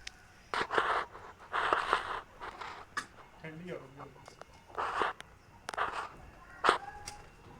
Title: Suffering from cold and cough #hens #chicken #cold #cough #murghian #hencare